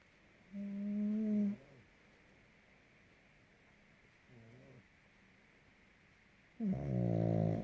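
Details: Very loud, buzzing snores with a softer one between, irregularly spaced, from a sleeping pug; snoring.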